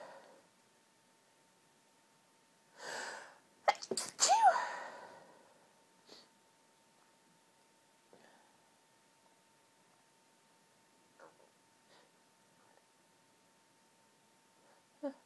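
Two quick high-pitched sneezes close together, with a short breath before, then quiet; a sneezing fit from hay fever.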